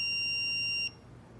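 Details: Simulated CPR training with an iPAD AED: a steady high-pitched electronic tone under a second after heart-rhythm analysis, then quiet, before the "No shock advised" prompt.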